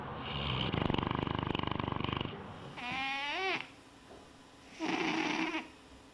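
A small animal snores with a rough, rapid fluttering rattle, followed by two brief cat-like vocal calls.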